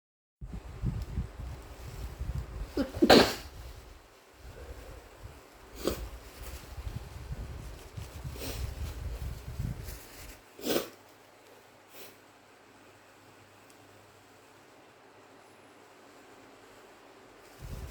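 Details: Sniffling, faint nasal noises from a tickly nose, then one sharp, forceful induced sneeze; the sneezer wonders if it is the start of a cold.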